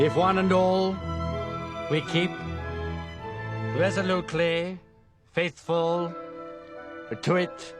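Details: Acted portrayal of an adult male with a stammer, shown delivering a wartime radio speech; stuttering.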